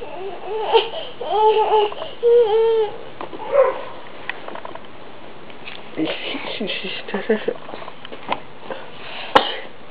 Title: Crying